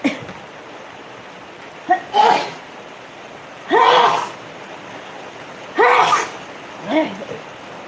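Four loud voiced sneezes in quick succession, each with a short in-breath before; an allergic sneezing fit.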